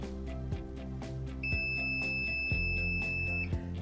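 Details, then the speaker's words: DCI Edge Series 4 dental chair: a steady two-second electronic beep over background music as the zero button is held to save the chair position preset. "once i get it to the position i want i'm then going to hold down on the zero button until the chair beats at"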